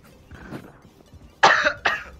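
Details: Cough from a live-streaming gamer during a VALORANT session.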